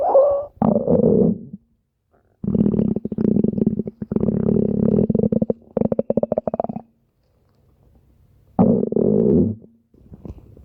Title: Special Stomach Growl Video